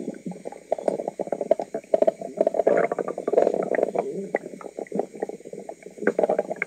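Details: Woman's noisy stomach: loud, continuous bubbling and gurgling with rapid liquid pops and squeaks; active bowel sounds, stomach rumbling (borborygmi).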